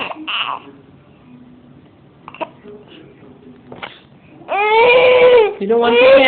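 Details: Quiet room with small sounds from a baby with hiccups, then a short burst of fussy crying near the end; infant cry.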